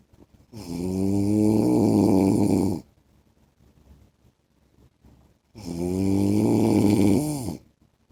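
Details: Husband's heavy snoring in sleep: two long, loud, rattling snores on inhalation with quiet breathing between.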